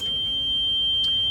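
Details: Respironics UltraFill home oxygen concentrator switched on at the power switch: a steady high electronic tone as all lights come on; a normal start-up alert.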